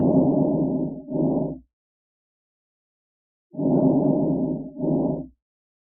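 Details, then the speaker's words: Two quiet, low rustling breaths heard through a stethoscope on the front of the chest, each a longer inhale then a brief softer exhale: normal vesicular breath sounds. "so this is going to be your normal breath sounds now this video is going to be listed as the circular it just means kind of normal from the front it sounds like air moving through a tube"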